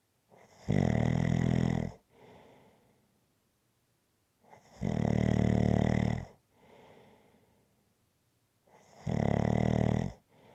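Three loud, regular rattling snores on the in-breath, each followed by a soft out-breath, about 15 breaths a minute.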